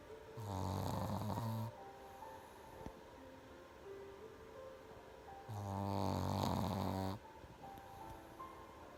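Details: Pekingese dog sleeping: two long, loud, buzzing snores about five seconds apart, with soft music underneath; snoring.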